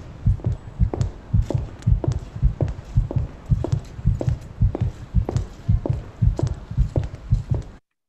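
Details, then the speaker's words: Steady, fairly quick low thumping of an adult heartbeat, about 110 beats a minute, recorded with steps and breathing for a sound installation capturing the body's reaction while walking amid street harassment. "the installation combines recordings of my heartbeat steps and breathing showing the reaction of my body so you can actually hear now"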